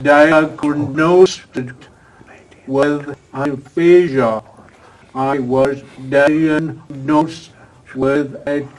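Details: Adult with aphasia after a stroke, previously in a professional career, attending an aphasia conversation group with a speech-language pathologist; real patient speech showing aphasia.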